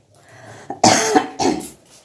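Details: An adult with a cough and cold gives two or three harsh, throaty coughs in a quiet room.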